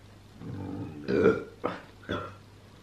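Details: Woman burping: a long, deep, voiced burp followed by two shorter burps.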